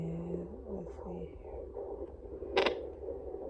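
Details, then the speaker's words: Home fetal Doppler on a pregnant abdomen: a low rumbling hum with shifting whooshes and a brief scrape, with no regular fetal heartbeat found yet. These are ordinary womb sounds. "um that noise right there is not the baby's heartbeat it's it's the wound noises it's the warm sound"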